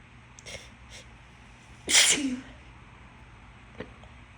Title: Announced sneezes for Easter